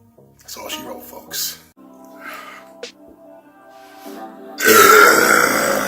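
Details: Burp compilation: several drawn-out, low, croaking belches under background music, ending in a loud burst of noise.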